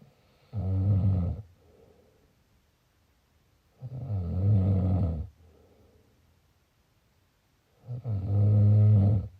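Three loud, low, rattling snores on the in-breath with quiet out-breaths between, about 15 a minute; snoring.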